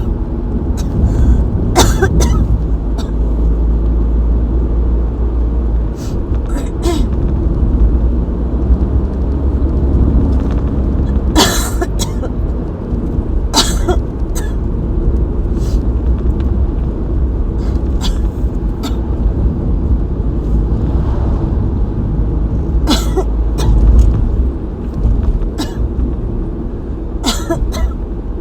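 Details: Adult having an asthma attack after a long break from attacks: repeated short coughs over a steady low traffic rumble.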